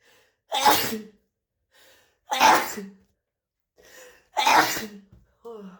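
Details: Person with a bad head cold, congested on waking after a night of symptoms, giving three forceful sneezes about two seconds apart, each with a short intake before the burst: repeated sneezing.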